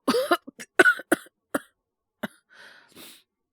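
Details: Acted male voice role-playing a boyfriend with a cold whose cough has not stopped: a run of about six short, dry coughs followed by breathy exhalations.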